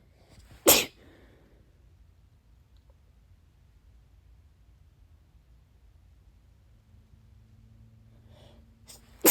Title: wet sneezes (sniffles, false starts)